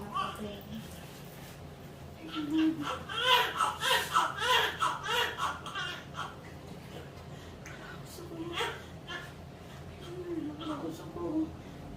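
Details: Repeated high-pitched crying bursts over room noise and voices: a newborn's cry just after a normal vaginal birth, a normal finding.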